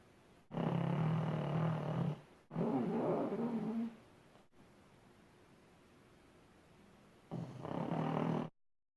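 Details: Sleeping pug, tagged as a puppy: loud, rough snoring in long drawn breaths with pauses between, typical flat-faced dog snoring.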